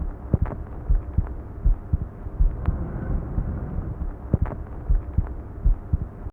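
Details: Normal heart sounds recorded with a mobile stethoscope covered by a superhydrophobic layered surface: low, soft thumps at about 80 a minute with a steady low hum and rubbing noise.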